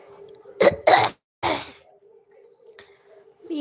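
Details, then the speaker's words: An unwell adult woman who says she can barely speak gives three short, forceful coughs in quick succession, the last slightly longer, over a faint steady hum. "ताई माझी तब्यत ठीक नाहीये मला बोलता येईना झाले तर प्लीज सपोर्टिंग कमेंट करा."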